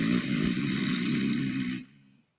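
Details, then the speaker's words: Yoga bee-breath demonstration: a low, rattling, buzzing sound on inhalation, under two seconds, made by vibrating the glottis to mimic a male bee: deliberately imitated snoring sound. "And the inhalation's supposed to be the sound of a male bee. And uh it's a snoring sound. You vibrate the glauus up here."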